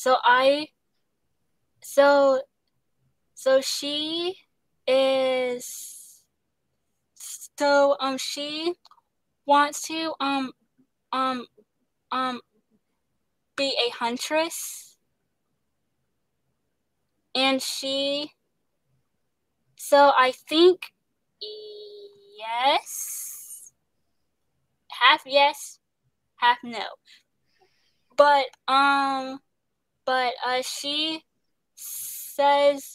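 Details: Stuttering in a young woman, an actress, singer and dancer, who describes pauses, word switching and restarts and receives speech therapy.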